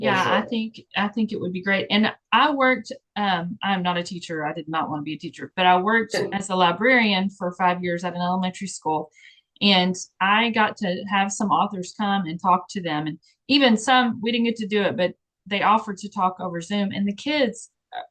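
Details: Adult woman speaking; normal speech.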